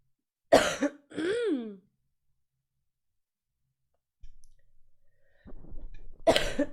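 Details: Cough from a 24-year-old streamer who says they cough a lot: two sharp coughs with a voiced, rising sound between them, then after a quiet pause another cough.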